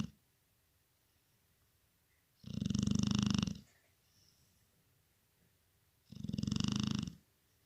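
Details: Snoring of a sleeping female; two long, loud, rattling snores about four seconds apart.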